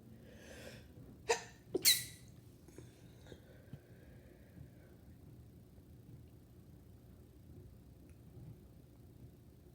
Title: Lots sneezes